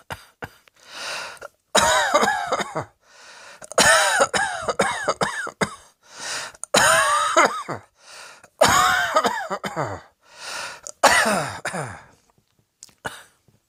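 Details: Repeated harsh, voiced coughing fits separated by audible breaths in, with some throat clearing.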